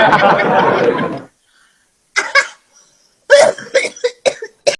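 A stretch of loud speech, then a series of short, sharp cough-like bursts; acted coughing in a comedy scene.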